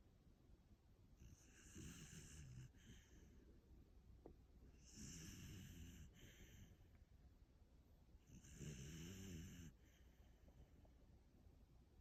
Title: After a big puppy day😪❤️ Hear that snoring!?